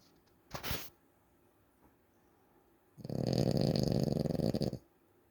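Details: Person snoring, recorded February 2025: a brief snort, then a longer low fluttering, buzzing breath sound; snoring.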